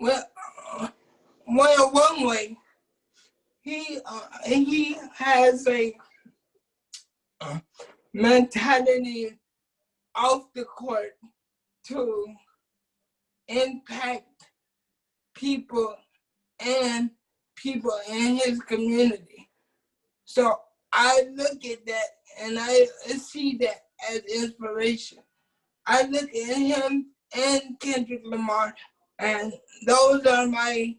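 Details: Adult man with cerebral palsy since birth, wheelchair user, whose family was told at birth he would not be able to speak; dysarthric speech in cerebral palsy.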